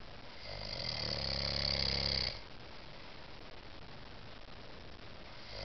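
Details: An adult man snores with a single loud, rattling in-breath lasting about two seconds, then quiet room noise until the next breath.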